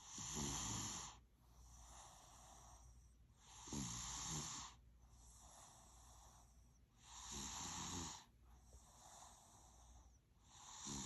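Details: Three-year-old toddler snoring while asleep: loud, regular rattling snores on each breath, about 17 breaths a minute, quieter breathing between; snoring.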